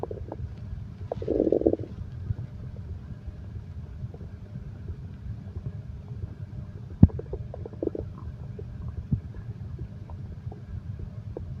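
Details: Stomach growl paired with heartbeat sound for insomnia relaxation: gurgling stomach growls over a steady low rumble; ordinary bowel sounds from gas and fluid moving through the gut.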